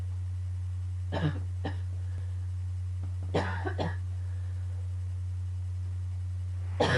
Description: I just woke up and went right into a coughing fit.started to hurt at the end :/